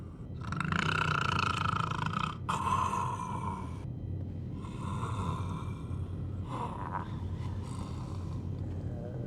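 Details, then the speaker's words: Scene from the TV drama Star Trek: Deep Space Nine: loud, rough, rattling snores on breathing in, with quieter pauses, until the sleeper is woken. He says his health is not good. Snoring. "I thought you'd died. If >> only I could be so fortunate. >> You were snoring."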